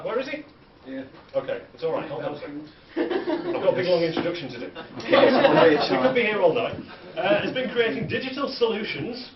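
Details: Adult speaker addressing an audience; normal voice.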